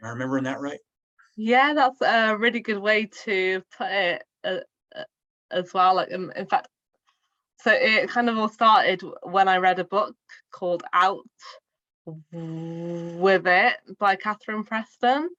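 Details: Adult woman, a primary school teacher who has stammered since childhood and has had speech therapy since childhood, speaking spontaneously in a real podcast interview; stuttering.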